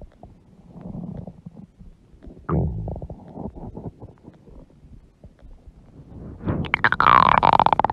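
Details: A mother's huge belly with stomach growling (borborygmi): gurgling, bubbling rumbles rising to a loud squeaky growl.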